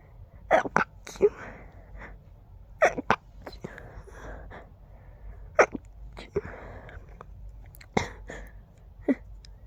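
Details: Allergy flare: repeated quick, muffled stifled sneezes with breathy intakes, about ten in ten seconds, urge with every breath; sneezing fit.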